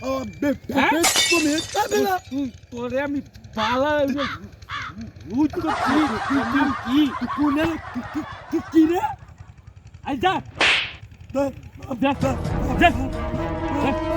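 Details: Acted stuttering imitation by two performers in a Bengali comedy skit. Stuttering (acted imitation).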